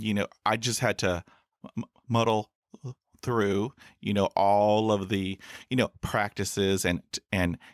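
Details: Adult male podcaster who stutters, with about 20 years of speech therapy in school, college and the US Air Force: stuttering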